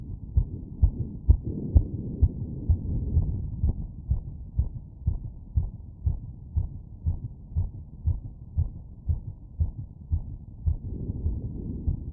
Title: Heartbeat auscultation stethoscope heart sounds - Aortic valve after workload